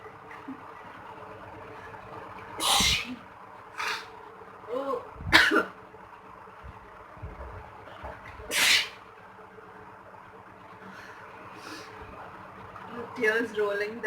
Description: Sneezing Challenge solo with sneezing powder (chiikni powder)